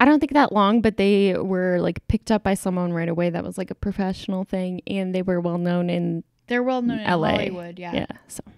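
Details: Adult woman; no speech disorder.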